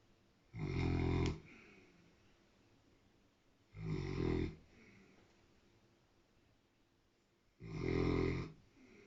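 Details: Snoring, louder than usual, in a sleeping large dog wearing an Elizabethan collar after sutures: three loud, rough snoring breaths a few seconds apart with quiet breathing between.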